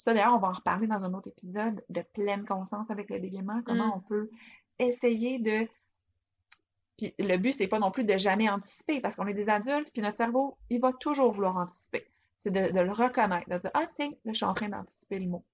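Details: Adult woman speaking French; typical speech.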